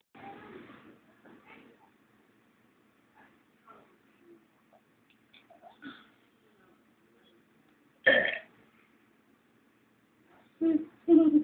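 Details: Baby girl making faint fussing sounds, then several short, loud throaty bursts near the end; infant burping.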